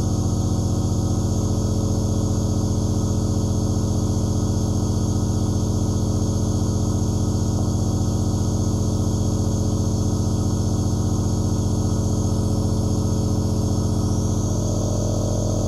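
Steady low buzzing hum of a nebulizer compressor running continuously.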